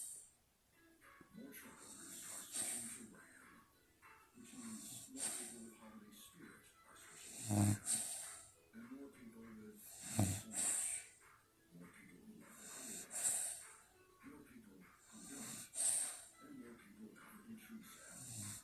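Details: Woman snoring during her morning nap, 43° outside and 65° inside: slow, rhythmic snoring breaths, about 23 a minute, with a thin whistling edge on each breath.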